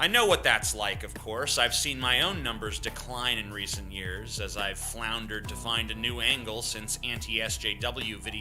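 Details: Adult male speaker; typical speech.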